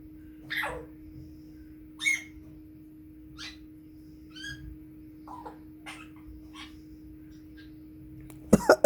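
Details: Congo African Grey parrot making a series of short, harsh cough-like bursts mixed with chirps and talking over a steady background hum; the coughs may be mimicry.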